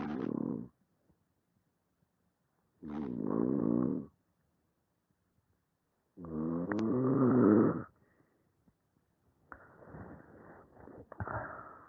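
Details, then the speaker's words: Overnight respiratory sleep study in a male patient with normal AHI, ODI and mean saturations: loud, rough snores on each breath in about every three seconds, with brief sharp clicks; obstructive snoring with inspiratory clicks during respiratory events. "okay so what you i hope you can appreciate from that is that he has obstructive snoring um throughout these respiratory events and what you can see on the tracings"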